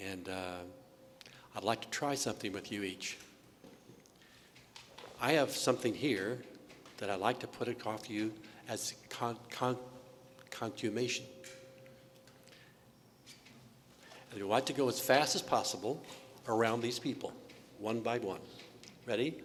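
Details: Adult with aphasia resulting from trauma to the brain's language centers; aphasia.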